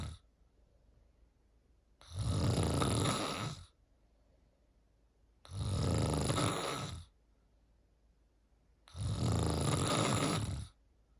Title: PART 3 snoring…. Tell me what u think this one sounds like #cantsleep